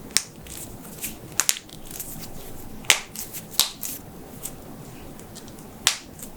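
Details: Joint cracking of neck, knuckles or shoulders: several sharp, dry pops and clicks over quiet background; cavitation.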